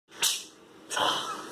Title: Iron sneeze fun